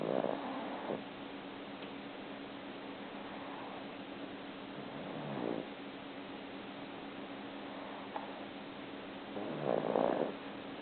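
A cat's soft, steady snoring and purring hum, with quiet breath sounds about every five seconds.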